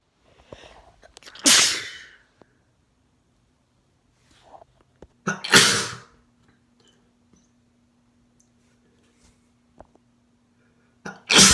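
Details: Three sharp, explosive sneezes from a male, two with a short in-breath before them, quiet pauses in a small room; described as wet, induced sneezes with spray; sneezing.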